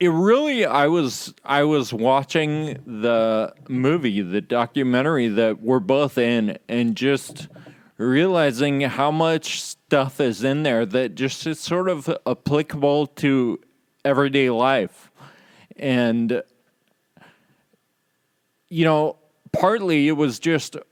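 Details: Adult man with Friedreich's ataxia, which causes slurred speech said to be audible in his talk; ataxic dysarthria.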